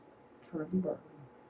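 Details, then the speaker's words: Sleep-tracking app recording of an adult sleep talking in the night: brief, quiet, slurred mumbling that sounds like fake English, then the words "Charlie Barley", a nickname for their dog. "this was under sleep talking so it's it's a little bit of mumbling but there's a couple words that make sense"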